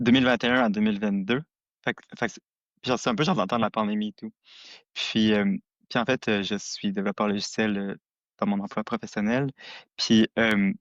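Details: Adult who stutters; stuttering.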